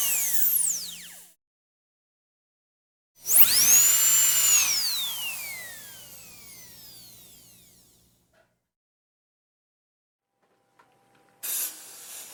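High-pitched whining drill that rises, holds and fades away, separated by silences; a dental drill running.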